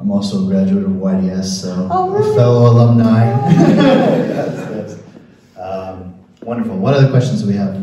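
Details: Adult man speaking; normal speech.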